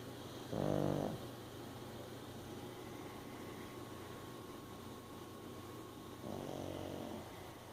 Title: Reese's having a dream and muffin snoring